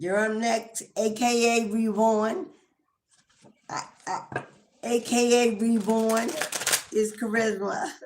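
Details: Adult woman with an acquired speech impediment, not present from birth, caused by damage from prolonged anesthesia with repeated extra doses during a prolonged emergency C-section.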